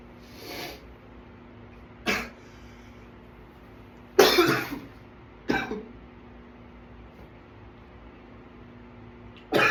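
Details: Runaway coughing attack: five harsh cough bursts spread over about ten seconds against a steady room hum, part of a prolonged coughing fit.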